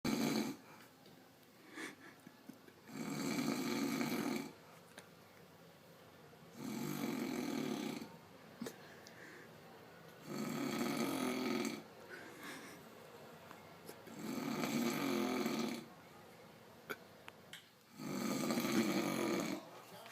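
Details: Father asleep who denies snoring: regular rough, rattling breath noises at about 16 per minute with quiet gaps between; steady snoring.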